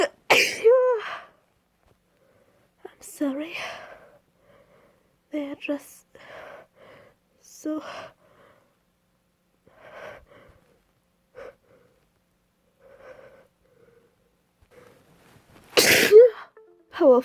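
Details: Female trying to hold back sneezes, without success: several stifled, muffled sneezes and catches of breath, ending in one loud full sneeze with a voiced cry.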